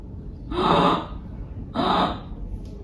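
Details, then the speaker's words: Adult imitating stridor for teaching: two harsh, rasping breaths showing the noise of a narrowed upper airway in children, a common reason for flexible laryngoscopy; stridor (imitated). "या गंभीर शोर हो सकता है। जिन्हें हम strider कहना।"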